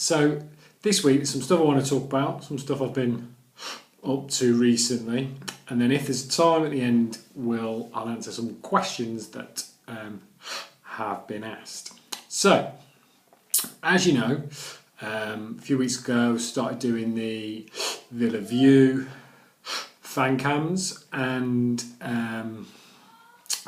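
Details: Adult male who stammers, recovering after Starfish Project stammering therapy, describing his pre-therapy stammer as much more severe; stuttering (stammering).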